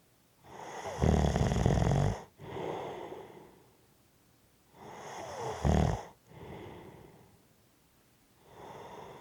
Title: Heavy Breathing and Snoring